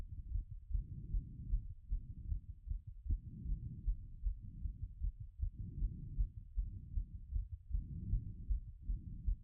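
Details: Rapid, regular heartbeat through a stethoscope after a workout, rate peaked around 180 and settling, with muffled, rumbling thumps; heart sounds after exercise.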